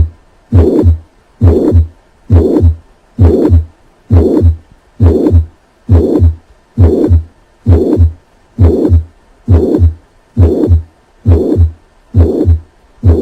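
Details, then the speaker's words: Teaching recording of a patient with mitral regurgitation: three normal beats, then a high-pitched, blowing holosystolic murmur filling systole, best heard at the cardiac apex, regular rate near 67 per minute. "murmur of mitral regurgitation is holosystolic and is heard best at the cardiac apex this murmur is high-pitched and glowing in character"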